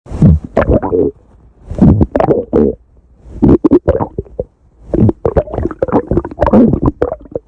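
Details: Loud gurgling, rumbling bursts in irregular clusters with brief quiet gaps; stomach growling, bowel sounds from gas and fluid moving through the gut.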